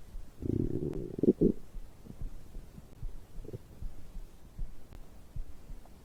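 Low gurgles and rumbles after drinking, ordinary digestive bowel sounds.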